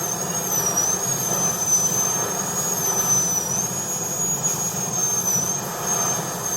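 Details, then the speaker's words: High-speed dental handpiece with 856.016 burr at a 45-degree angle cutting the C-plane for an all-ceramic MOD onlay on tooth #14: steady high-pitched whine with rushing hiss. "And this will force the burr to be at a 45-degree angle at all times."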